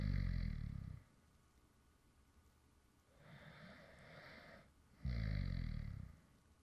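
Two low, rumbling snores separated by a quieter breath sound, from a sleeping adult man.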